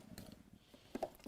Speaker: Oh my goodness me. Do you hear that stomach rumbling? Oh, I've got egg sandwiches for lunch.